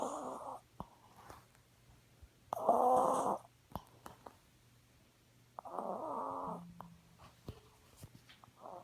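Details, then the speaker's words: 6-year-old blue chihuahua snoring while asleep: two long, rasping snores a few seconds apart, each with a fluttering buzz on the breath. "Fucking dog is snoring."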